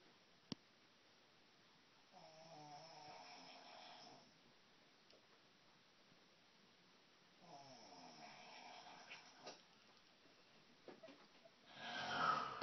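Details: Adult woman snoring in sleep: two long, fluttering snores about five seconds apart in a quiet room with faint rustling; snoring.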